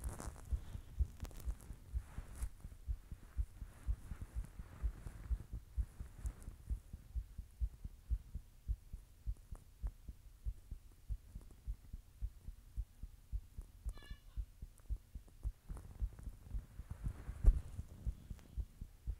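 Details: Person recording their own heartbeat while blushing: steady, regular, low thumps at an ordinary resting rate with faint room hum; a normal heartbeat.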